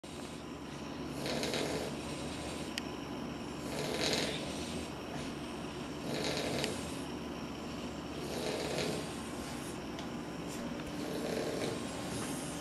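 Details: Sleeping Boxer puppies snoring: gentle, rhythmic snoring breaths, about 26 a minute, over steady background hiss.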